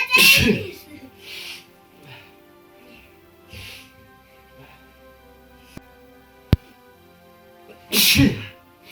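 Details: Sneezing: two loud explosive sneezes with softer breathy sounds between, over background music.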